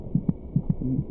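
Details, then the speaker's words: Normal fetal heartbeat in a pregnancy documentary; the fetal heart beats about twice as fast as the mother's: rapid, soft paired thumps with a muffled whoosh, near 145 beats a minute. "by week twenty six it may just be possible to hear the fetal heartbeat by putting your ear against the mothers abdomen the fetus's heart meets about twice as fast as a mother's"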